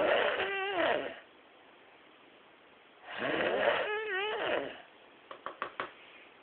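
Two long, fluttering, rumbling snores with a quiet pause between them, then a few soft clicks; snoring.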